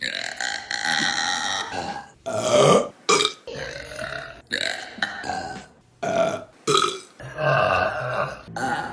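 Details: Women burping in a compilation: a series of loud, drawn-out voiced belches with brief pauses between them; repeated burping.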